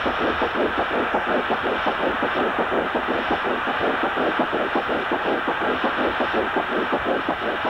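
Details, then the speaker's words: Fetal heartbeat at 6 weeks 5 days, picked up by a small handheld Doppler over the lower abdomen: fast, regular whooshing pulses at about 167 beats a minute. "Let's listen for just a minute to a baby's heartbeat in the womb, only 6 weeks and 5 days old."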